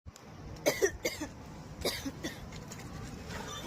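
An adult gives a few short, dry-sounding acted coughs in two quick bursts over faint outdoor background noise. Finding: cough.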